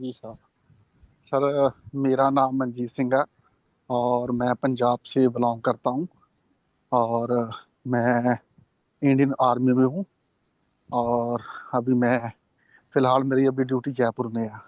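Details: Adult man who stammers, taking part in a Hindi-language stammering support session; real stuttering.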